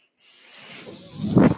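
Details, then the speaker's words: Mechanical ventilator breath cycle during podcast speech: a soft rising hiss of airflow swells into a louder rushing puff as one breath is delivered. "Hello, everyone. That noise you're hearing is my ventilator."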